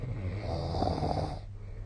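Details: Adult sleep snoring recorded with the SnoreLab app on 2025/03/09: a single loud, low rumbling breath sound lasting over a second.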